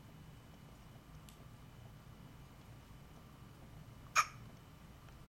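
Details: Single sharp, abrupt hiccup in a quiet room with faint room hum and an earlier faint click; a person with hiccups at home.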